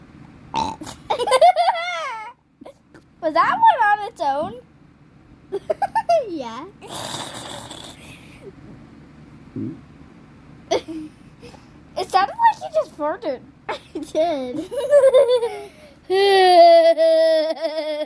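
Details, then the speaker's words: Several drawn-out, throaty voiced belches mixed with laughter and chatter, with farting mentioned; repeated burping. "Oh. I have one coming. That one sounded like throw up."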